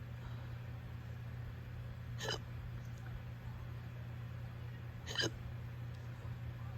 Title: uncontrollable hiccups at 5am